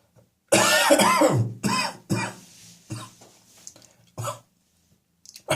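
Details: Adult wakes full of catarrh, possibly from damp English summer weather and beer the previous evening: about five harsh, rattly cough bursts with throat clearing, a productive cough.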